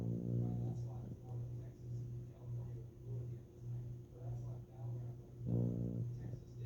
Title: Oakley Is Snoring